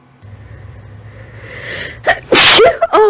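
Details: Forceful sneeze after a building inhaled breath, with short follow-on bursts, from a girl with allergies in a sneezing fit that started right after she turned on a desktop computer; exposed to her known nasal sensitivities.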